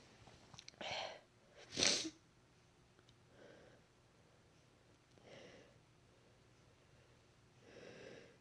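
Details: A quick catch of breath, then one loud, forceful deliberately induced sneeze, followed by soft breaths and sniffs in a quiet room; first induced sneeze in months.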